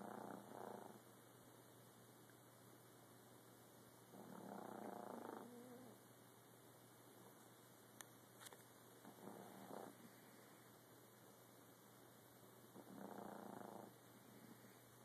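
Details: A sleeping pet cat snoring gently: soft, rattling breaths in slow bursts over steady room hum.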